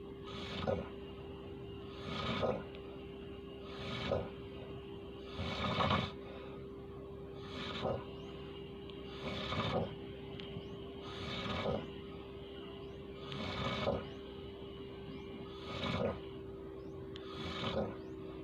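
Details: Adult man (a father) snoring during sleep: rough, rattling snores about every two seconds over a steady background hum.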